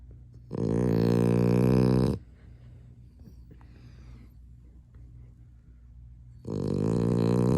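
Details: A chocolate French bulldog snoring: two long, deep, rumbling, growl-like snores, each lasting one to two seconds, separated by a quiet pause of several seconds.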